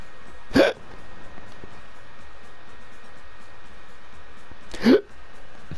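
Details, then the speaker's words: Person with startling hiccups, one described as a hiccup-burp sounding like a demon coming out of the chest. "you good yeah just hiccups I guess oh"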